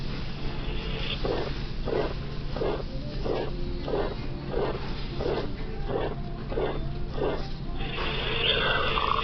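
Regular heartbeats at about 90 a minute, each followed by a soft blowing diastolic murmur of aortic regurgitation.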